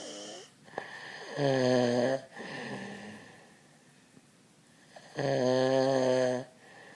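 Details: Heavy snoring: loud, rattling snores on inhaled breaths with softer whistling breaths between, over a steady background hum.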